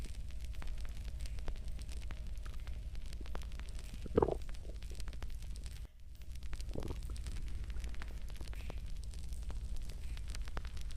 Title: stomach growling after drinking water